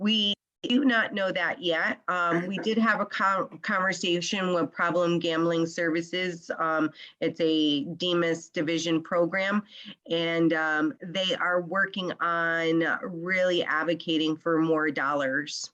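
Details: Adult woman speaking; normal speech.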